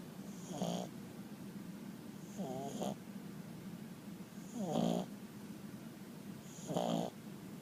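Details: Snoring: four rhythmic snoring breaths about every two seconds, some with a fluttering, rising whistle, over a steady background hum.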